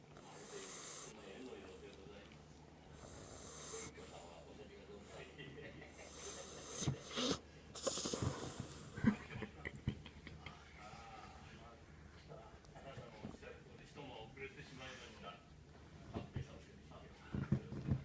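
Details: Soft, irregular snorting breath sounds of a sleeping female Jack Russell Terrier, with some room noise; ordinary snoring.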